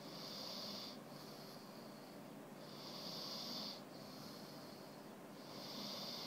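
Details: Dex, trying to sleep, snores with eyes open: hissing, rattly breaths in a steady cycle, about 22 a minute, with a rough snorting edge on each breath.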